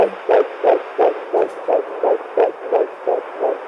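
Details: Fetal heartbeat at 9 weeks of pregnancy on home Doppler: fast, regular whooshing beats at about 170 a minute, high but normal before about 12 weeks.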